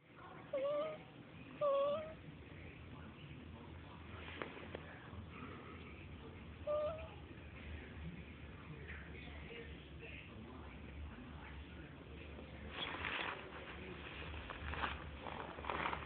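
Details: A 1-day-old newborn napping makes soft squeaks and brief high whimpers over faint room noise; normal newborn sleep noises.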